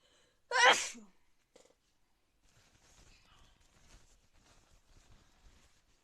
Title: Sneezes after raining